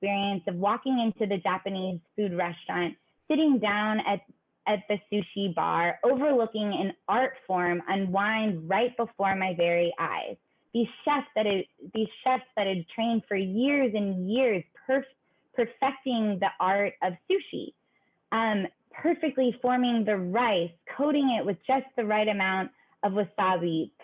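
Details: Adult speaker; normal speech.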